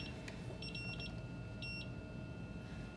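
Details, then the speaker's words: Simulated Belmont rapid infuser air-detection alarm: repeated high electronic beeps over machine hum as fluid runs out and air reaches the sensor, and the safety wand pinches off the patient line. "what happens anytime you have an alarm especially an air alarm our patient safety wand right here is going to slide over and pinch off"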